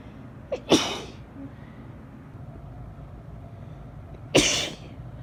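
Two forceful sneezes about four seconds apart, the first with a short in-breath before it, over faint room hum.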